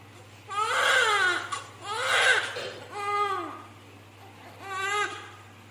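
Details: Newborn girl at 39 weeks, right after a normal delivery: four short, strong wailing cries in a quiet room; a vigorous first cry.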